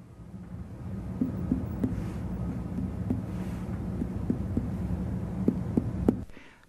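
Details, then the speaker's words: Examiner lightly percusses the abdomen to assess the distribution of tympany: short hollow drum-like notes indicating gas in the stomach or intestine, a normal finding. "lightly percuss the abdomen to assess the distribution of tympani and"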